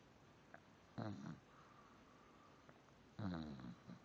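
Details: Two short, rattling snores about two seconds apart over steady background hiss, from a small animal: snoring.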